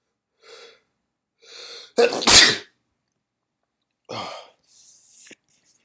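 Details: Induced wet, powerful sneezes, including doubles: quick indrawn breaths, then a forceful wet double sneeze and another sneeze a moment later.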